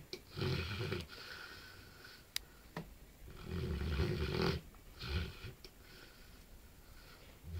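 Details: Sleeping Bullmastiff moving as if playing in his sleep: deep, rumbling, throaty, snorting snores in uneven bursts with a few small clicks: dog snoring.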